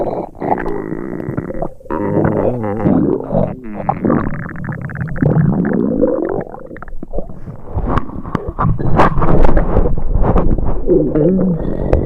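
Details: Simulated upset-stomach sound effect: loud, low gurgling and growling rumbles with bubbling pops, imitating stomach rumbling.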